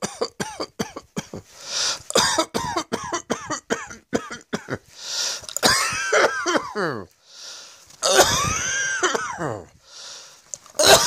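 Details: Rapid bursts of dry coughing with throat clearing and some strained, voiced coughs, repeated throughout.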